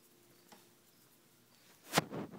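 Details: Pet named Fiora in a quiet room gives one sharp, explosive cough near the end, followed by a short rough exhalation: cough.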